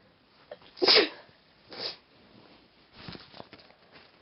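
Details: Person deliberately inducing sneezes: two sneezes, the first loud and explosive, the second softer, followed by quiet sniffing breaths; ordinary sneeze.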